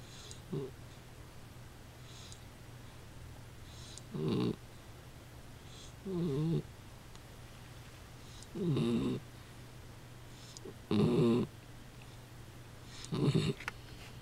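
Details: Kaiser napping: short rough snorting breaths every few seconds over a steady room hum; soft snoring.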